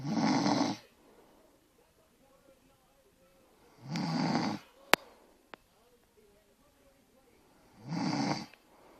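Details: Annoying snoring: three loud, rough snores about four seconds apart, about 15 breaths a minute, near silence between them, with a couple of faint clicks.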